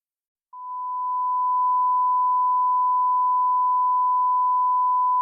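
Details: Simulated human tinnitus sound effect: after a brief silence, a steady, pure ringing tone that holds unchanged.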